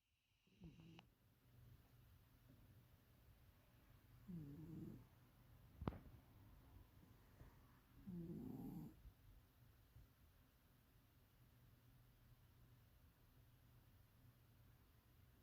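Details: Cat snoring while asleep: quiet, low rumbling snores, two soft breaths over room noise.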